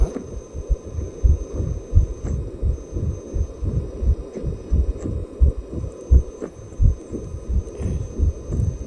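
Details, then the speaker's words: Fetal heartbeat of a 7-week embryo on ultrasound, about 170 beats per minute, described as normal: rhythmic whooshing pulses. "목사님이 7주 대 의 아기의 심장 박동 소리를 한번 준비해봤어요 한번 들어보세요"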